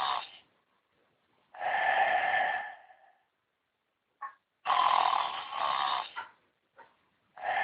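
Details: A tiger sleeping after a night on stage, with loud, deep, rasping snores lasting one to two seconds, separated by short silences and small snorts; snoring.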